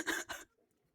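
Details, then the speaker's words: Cough: two quick, harsh cough bursts close together, then quiet, from an adult woman who is ill and sucking candy to control her coughing. "but I'm gonna be like pausing my microphone or like muting my microphone so I can cough."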